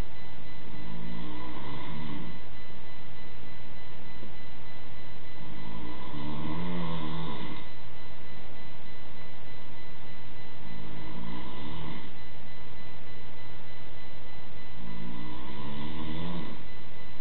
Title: My Dad Snoring [Part 2]